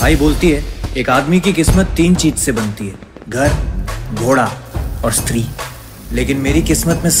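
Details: Adult male actor; typical speech.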